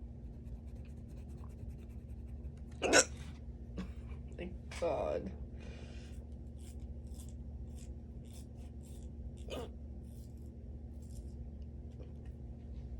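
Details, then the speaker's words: Strong hiccups in an adult at work, coming and going over nearly ten minutes; two or three abrupt, sharp catches of breath against quiet room hum. "let's do a hiccups video I haven't had these in a while like actually the strong of hiccups so there you go hiccups fans"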